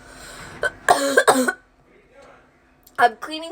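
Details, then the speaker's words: Ear-cough reflex: several short, voiced coughs in quick bursts, a cough attack that happens every time the ears are cleaned with a cotton swab. "is it just me or does anyone else have like a cough attack every time"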